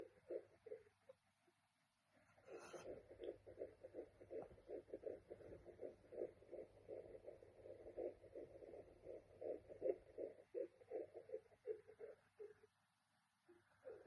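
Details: Rapid, regular whooshing pulses of an early fetal heartbeat on a Sonoline fetal Doppler at 11 weeks of pregnancy, about 160 beats a minute.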